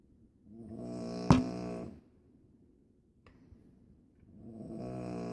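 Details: Snoring: two loud, buzzing snores on breathing in, separated by a quiet pause, with a brief click between them.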